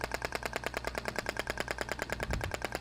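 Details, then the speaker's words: Radial shock wave therapy applicator (Thork, ESWT) firing: rapid, even train of sharp clicking pulses, about eight a second, applicator moved over muscle during final shots. "tô distribuindo aí esses últimos disparos eu vou fazer movimentando Se necessário né o aplicador na região da musculatura"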